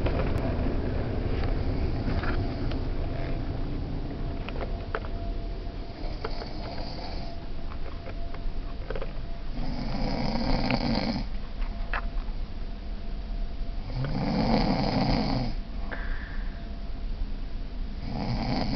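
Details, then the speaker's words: Brother asleep in a cruise-ship cabin; loud, rough snoring bursts about every four seconds over a constant low engine-like rumble; snoring. "here I can't sleep through this whoa sorry to wake you just just you're storing can you turn on your side or something"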